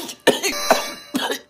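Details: Simulated child's cough acted in a comedy skit: three short, forceful cough bursts with brief breaths between.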